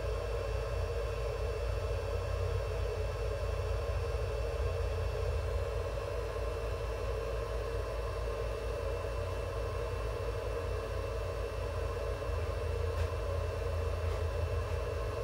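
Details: Steady low hum and airflow hiss of a veterinary incubator giving warmth, humidity and oxygen therapy to a pet Java sparrow under clinic treatment; veterinary incubator running.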